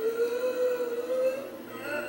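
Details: Laryngospasm triggered when a scope touched the larynx during surgery: sustained, high-pitched, musical crowing on inspiration as the vocal cords close; the cords open with her cough; inspiratory stridor.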